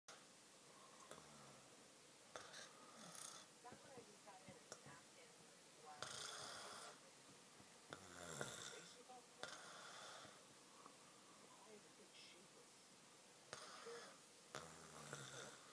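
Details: Man sleeping, recorded on an iPad: recurring rough, rattling breathing noises during sleep, faint background sounds between them. Snoring.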